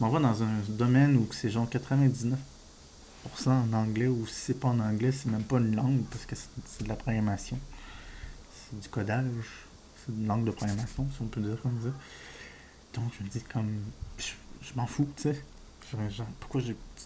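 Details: Adult man with diagnosed ADHD; stuttering-like speech disfluency he says resembles stuttering but is not stuttering, linking it to ADHD.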